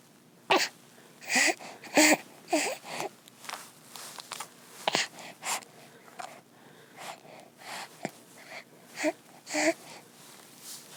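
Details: Infant crying sound effect: short, broken whimpers and fussy cry sounds at an irregular pace with small catches of breath, a fussing infant cry.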